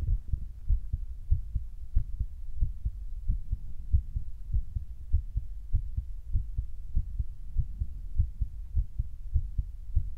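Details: Speaker's own heartbeat recorded for ASMR, which they said was beating faster than before recording: soft, deep, regular thumping at about 100 beats a minute with a slight background hum. Normal heartbeat.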